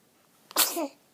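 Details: A baby who has the hiccups sneezes once, with a short intake followed by a sharp burst of air, on a day he has already thrown up and peed through two outfits.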